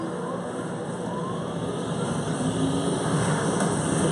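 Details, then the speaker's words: Cold-air skin cooler running before Q-switched Nd:YAG laser tattoo removal on the buttocks: a steady rushing airflow hum that builds slightly. "All right, so I'm going to get some cold air going here for you."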